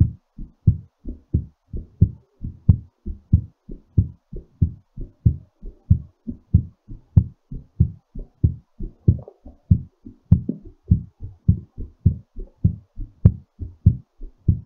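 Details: Strong, steady lub-dub heartbeat at about 95 beats per minute, a mildly raised rate settling after exercise; normal heartbeat.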